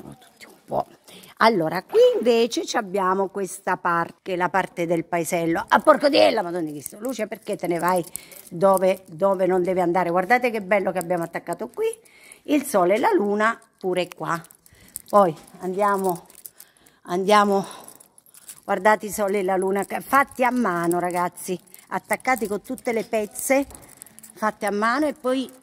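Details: Adult female with Tourette syndrome (real, not acted): an interjected vocal tic within her speech; vocal tics.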